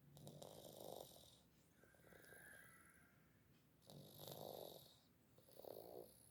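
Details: A pet cat snoring while sleeping very deeply, with soft, whistly, snuffling breaths in a slow in-and-out rhythm; cat snoring.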